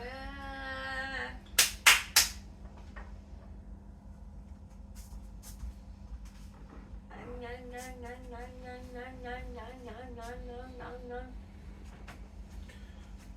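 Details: Woman with 22q11.2 deletion syndrome producing vocal tics during an acute neurological episode after a suspected allergic reaction, with dystonic movements and possible passing out, called Tourette's plus dystonia by the commentator; vocal tics.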